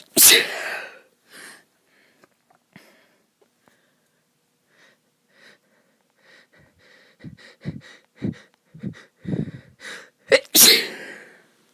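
Two loud explosive sneezes with a quiet breathy interval and short catching breaths between them; sneezing during illness.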